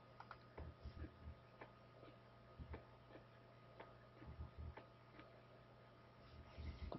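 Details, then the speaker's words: Normal adult heart sounds in a teaching recording: soft low S1 and S2, with S2 faintly splitting into two distinct sounds on inspiration, physiologic splitting of S2. "we're talking about you guys are normal adults you should be able perhaps hear the splitting on inspiration"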